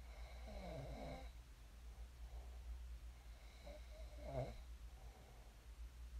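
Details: Snoring during sleep, ASMR recording: soft rough breathing sounds against a steady low hum, two breath cycles in six seconds; light snoring.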